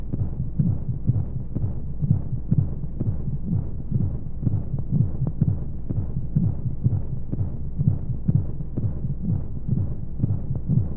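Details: Simulated womb sound for baby sleep aid: steady, muffled low heartbeat thumps under a soft whooshing rumble of flow noise and white noise; heartbeat.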